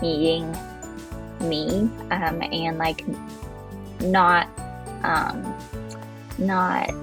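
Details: Adult woman who stutters, speaking after effective stuttering therapy with a speech-language pathologist; she says some words, such as her name, are hard for her because of her stutter; stuttering.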